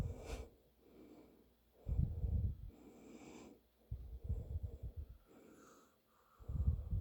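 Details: Adult man (a father) asleep: low, rattling snorts in bursts between quieter breathing; snoring.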